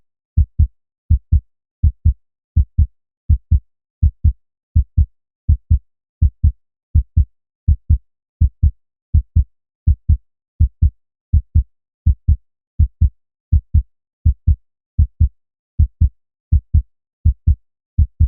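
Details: Steady, regular human lub-dub heartbeat with pulse at about 82 beats per minute and no added sounds, a relaxation or sleep recording: normal heartbeat.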